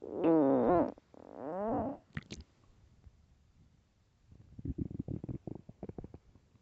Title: extremely LOUD stomach growls and empty stomach (part 4)